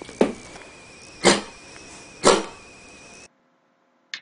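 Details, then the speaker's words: Three loud, short, horn-like coughs about a second apart: honking cough in a child, typical of psychogenic cough. "يبقى psychogenic cough usually بيبقى honking، ساعات بيبقى بيزار ملوش special type، ولكن لما تلاقيه honking and absent during sleep يبقى most probably psychogenic."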